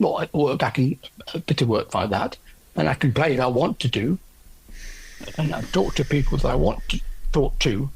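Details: Aphasia in an adult male orchestral percussionist, 10 years after a stroke from a left middle cerebral artery blockage; no speech at all initially, since improved with ongoing practice.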